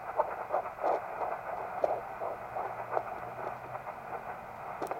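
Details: Fetal heartbeat at 13 weeks of pregnancy on a home Doppler ultrasound device: rapid, soft whooshing pulses at about 170 a minute.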